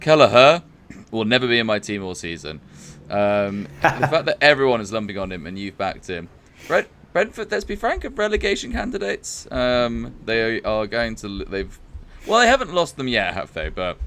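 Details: Adult man speaking; normal voice.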